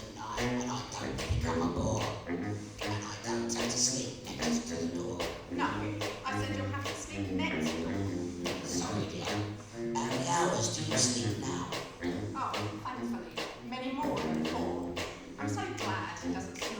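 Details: Laryngectomy choir members (larynx removed in life-saving cancer surgery) performing a short comic sketch with oesophageal or prosthesis voice; oesophageal speech after laryngectomy.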